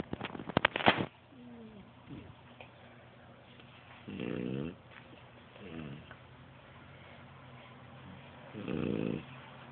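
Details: French bulldog Charlie Bob napping: rough, rattling snores on in-breaths a few seconds apart, after some handling noise at the start; snoring.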